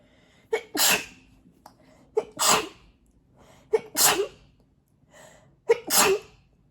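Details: Allergic sneezing fit, mostly covered, blamed on cat hair: four sneezes in quick succession, each a sharp catch of breath then a forceful, partly muffled burst; 17 sneezes in all.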